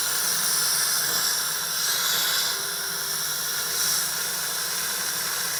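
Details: Adult male patient at a routine professional dental hygiene appointment. An Airflow air-polishing unit gives a loud, steady hiss of spraying air and water as it cleans plaque from the teeth.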